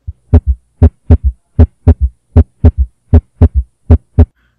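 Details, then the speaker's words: Third heart sound (S3) demonstrated in a student OSCE cardiac examination: regular heartbeat near 78 per minute with a soft, low extra thud just after S2. "S3 comes after S2, and it sounds like"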